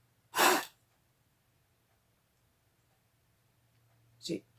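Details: Peak expiratory flow manoeuvre demonstrated by a respiratory therapist with a peak flow meter: a full breath in, then one short, hard, forceful blast out, a pause and a brief breath.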